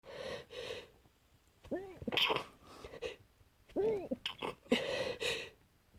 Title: Stifled and muffled sneezes